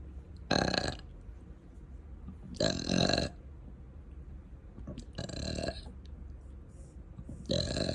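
Four loud, drawn-out throaty belches within about eight seconds: repeated burping, air brought up from the stomach.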